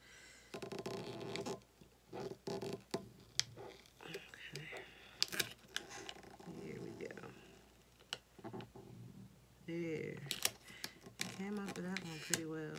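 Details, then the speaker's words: Adult's stomach growling while working on a craft project, low wavering gurgles and rumbles amid crafting scrapes; says they are hungry and need to eat; stomach growling (borborygmi). "my god I think that's my stomach that just growled like that I need to eat I wonder if y'all can hear that on the video comment below if you heard my stomach growling"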